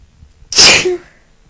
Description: So i got a request to induce with a Bobby Pin and it didn't work that well in terms of a lot of sneezes, BUT it did however cause me to sneeze very Powerfully/Strongly.